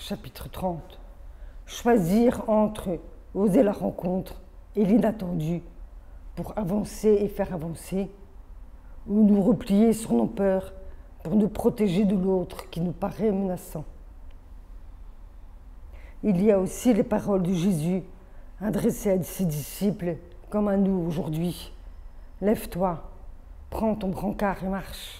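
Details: Adult woman born deaf with over 80% hearing loss from maternal rubella in early pregnancy, who had hearing aids from age 7, oral upbringing, speech therapy from age 2 through middle school and phoniatric voice work; deaf speech (congenital hearing loss).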